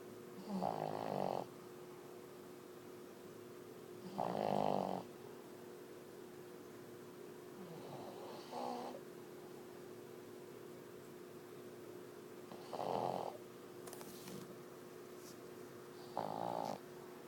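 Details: Five snorting snores in about 17 seconds, roughly 17 a minute, over a steady hum; ordinary snoring.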